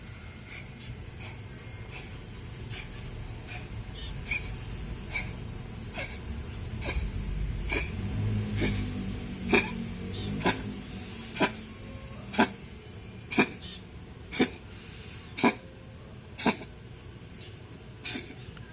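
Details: A puspin (Filipino domestic cat) wheezes during an asthma attack, with brief squeaky breath noises repeating about once a second.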